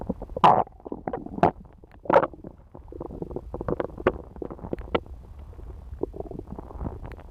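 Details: Irregular gurgles and rumbling bursts from the abdomen of a woman after eating pizza, over a quiet background: ordinary stomach rumbling, bowel sounds.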